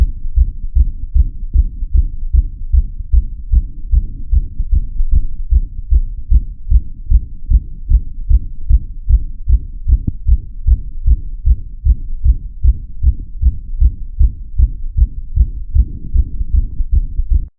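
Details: Steady, deep, regular heartbeat heard through a stethoscope, audio-enhanced with a booming quality.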